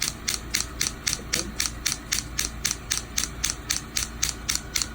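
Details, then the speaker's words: Sharp, regular clicking pulses, about 76 a minute, from a radial shockwave therapy machine treating heel pain, after the pulse frequency was increased, as part of a multi-session regenerative protocol. "hear now the frequency of the pulse is a little bit faster"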